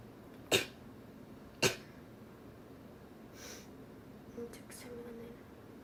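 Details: Japanese girl sneezing: two sharp, explosive sneezes about a second apart in a quiet room, followed by faint breathy sounds.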